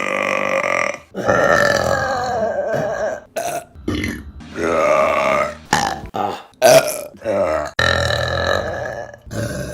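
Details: Burping compilation: a run of loud, long, rumbling burps, several in a row with short pauses between them.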